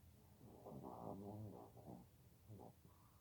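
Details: Two sleeping Chihuahua puppies snore loudly enough to wake the owner, with soft, low, fluttering breath sounds.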